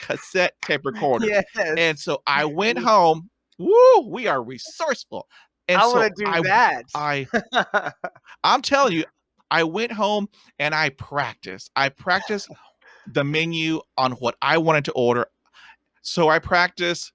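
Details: Real stuttering in an adult man who stutters; stuttering.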